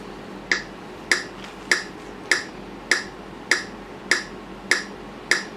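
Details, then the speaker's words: AED voice prompt and metronome after a delivered shock, pacing 30 chest compressions alternating with 2 rescue breaths during CPR; sharp, evenly spaced ticks at about 100 per minute. "ทำการปั๊มหัวใจ30ครั้งสลับกับการช่วยหายใจ2ครั้ง"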